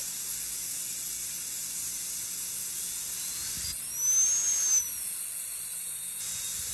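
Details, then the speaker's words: Steady high-pitched hiss with a brief rising whine as a high-speed dental drill cuts a Class II interproximal cavity preparation under rubber dam, the bur kept perpendicular to the tooth's long axis and following the anatomical grooves. "always keep the bur perpendicular to the long axis of the tooth follow the anatomical grooves of the tooth"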